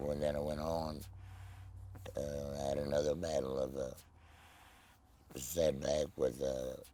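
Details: Tracheoesophageal speech in an adult man after total laryngectomy with no voice box, speaking with a Provox voice prosthesis.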